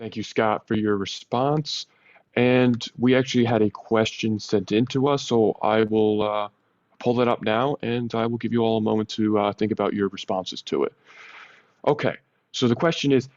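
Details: Adult male speaker; typical speech.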